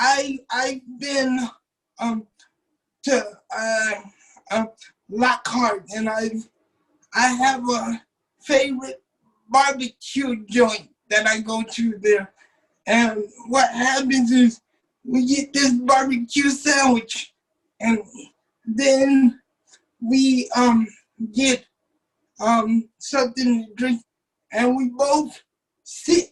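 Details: 27-year-old man with cerebral palsy since birth, wheelchair user, whose muscles do not work like others'; doctors told his family he would never talk; dysarthric speech in cerebral palsy.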